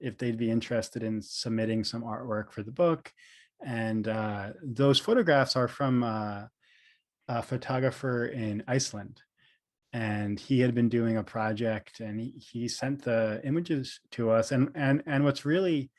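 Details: Stuttering in an adult man, a speech therapist who describes himself as a person who stutters; audible repetitions and fillers; finding: stuttering.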